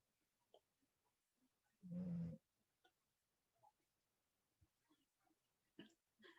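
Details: Pit bull snoring while asleep in the background of a poetry reading: a single low, rough rumbling breath rises briefly above a quiet room, then fades.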